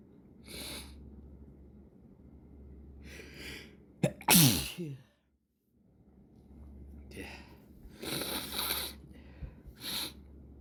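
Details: Morning sneezing fit before breakfast: several sneezes in quick succession, each a sharp explosive burst, over a low steady room hum.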